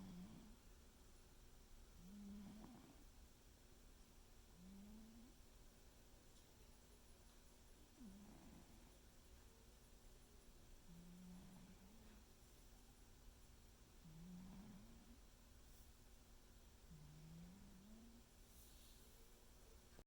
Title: Snoring cat , seriously? our cat is snoring